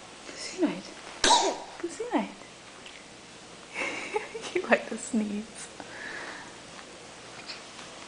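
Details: Pet's sneeze: one sharp, sudden burst early on amid household talk and small snuffles.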